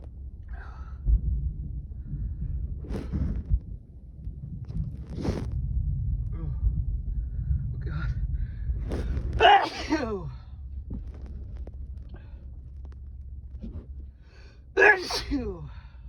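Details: Intense sneezing fit after a strong nasal tickle: breathy gasps and build-ups, then two forceful sneezes about five seconds apart over low rumbling noise; eyes watering afterward.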